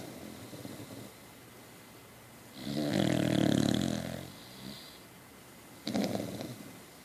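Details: Beacock dog snoring, louder than most people: a loud, rumbling snore on the in-breath followed by a softer one about three seconds later, with background hiss; snoring.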